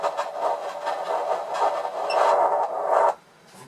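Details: Pulsed-wave Doppler audio from a Qsono Q3 ultrasound scanner demonstration: a rhythmic whooshing, pulsing blood-flow signal that cuts off abruptly when the image is frozen.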